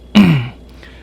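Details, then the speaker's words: Adult man with recent small raspy "baby coughs": a single short, low, voiced throat-clearing cough with a slightly rough tone. "I don't know what's going on with my my throat I've been kind of getting like a just little baby coughs they aren't like big ones or anything like that and as you can hear it's a little raspy or whatever"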